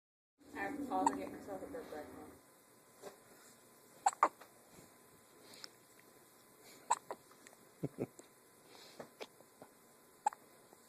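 Brief voice at the start, then a quiet room with several short, sharp, soft catches spaced a few seconds apart; hiccups.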